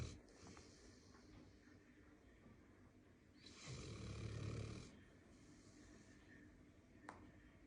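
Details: A sleeping dog, tired from playing, snoring: low, rough snoring with steady room noise and one loud snore burst in the middle.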